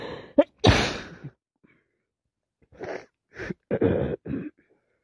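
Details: Repeated explosive sneezes, the first loud and forceful, then a pause and a run of short sniffs and smaller bursts; sneezing and sniffling with a common cold.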